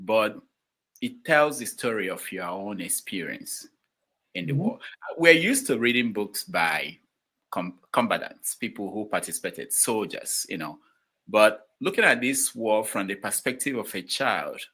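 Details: Adult male speaker; Normal conversational speech.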